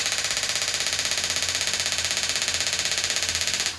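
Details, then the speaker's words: Radial shockwave therapy machine, shown for erectile dysfunction and contrasted with focused shockwave: rapid, regular hard tapping at about 190 per minute, like a small jackhammer. "So this is a jackhammer type like sound at this point."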